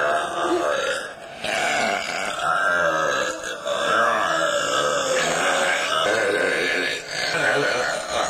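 Long, loud, drawn-out voiced belches, one after another with brief pauses, in a burping contest.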